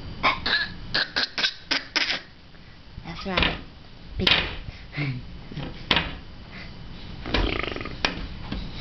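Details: A baby makes a run of short, rough, cough-like bursts when asked to do her smoker's cough, playfully imitating a smoker's cough.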